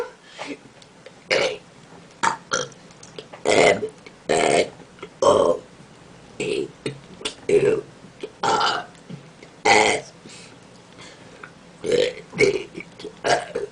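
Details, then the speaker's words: Girl deliberately burping out of boredom, attempting letters of the alphabet: about a dozen voiced belches in irregular succession, some drawn out like spoken letters; forced burping. "I'm going to burp for y'all cuz I'm really bored and I'm losing."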